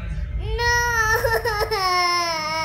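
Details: A young child crying: a sustained, tonal wail that wavers slightly in pitch, over low room rumble.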